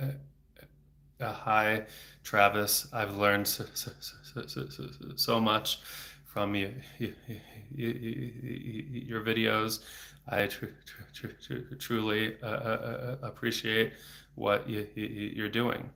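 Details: Stuttering in a 34-year-old man, a speech-language pathologist, stuttering since age eight (about 26 years); he had speech therapy off and on until his early 20s and speaks without fluency strategies; frequent repetitions and blocks.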